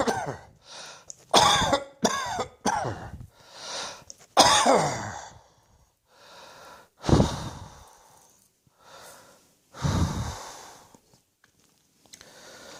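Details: Bursts of harsh repeated coughing, about ten coughs, with whistling, wheezy in-breaths between them.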